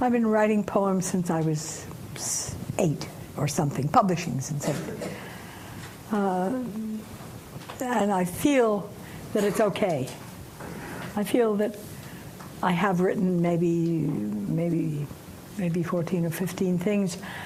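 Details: Female poet recovering from post-stroke aphasia who says she cannot yet complete syntax in her creative writing; mild aphasia after stroke.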